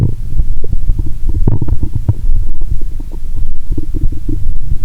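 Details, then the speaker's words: Frequent low gurgles and rumbles through a stethoscope on the abdomen, lying down after a Mentos and cola challenge: active bowel sounds. "सामान्य के विपरीत, स्वर असंतुष्ट😅 लगता है।"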